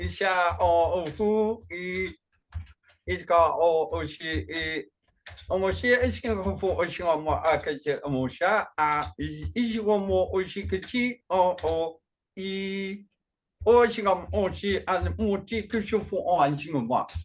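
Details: Functional neurological disorder in a man with foreign accent syndrome and gibberish speech during a bout; the accent changes between French, German, Slavic, Russian or Asian and sounds Chinese today; onset around 2019 with non-epileptic seizures; worse with strong emotion.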